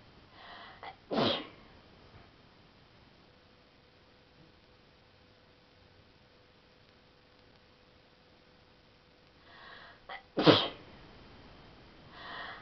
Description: I thought you guys might like to see me sneezing :3